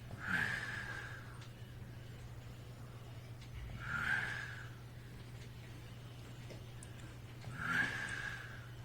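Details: Snoring hard when very tired: three snorting snores about every four seconds, roughly 16 breaths a minute, over a steady low room hum.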